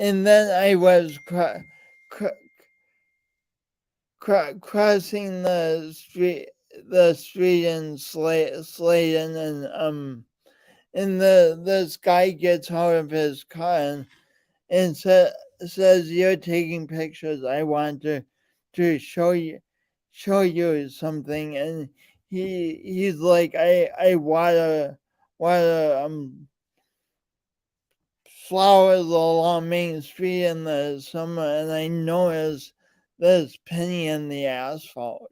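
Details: Man with a speech impediment present since birth, along with lifelong coordination issues; speech impediment (stuttering-like disfluency).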